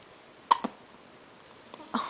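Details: Hiccups: two short, abrupt hiccup sounds about 1.4 seconds apart in a quiet room.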